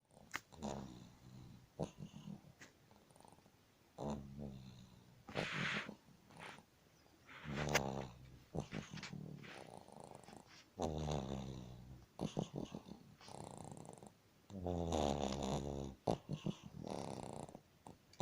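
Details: Old sleeping dog snoring nightly, irregular snorting, rattling snores and grunts one after another, with faint squeaky sounds: snoring.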